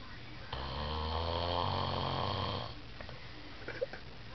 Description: Tunr up your speakers to hear this kid snor rediculously loud